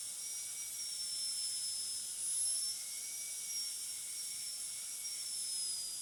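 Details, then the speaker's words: Steady high-pitched whine of a high-speed dental drill running continuously with a flat tapering polishing burr (TF12EF, yellow band) smoothing the finished tooth 46 preparation for a full-veneer metal-ceramic crown, demonstration. "For this I am going to use a flattened tapering polishing burr. This is TF12EF with the yellow band. This is used for smoothing the preparation."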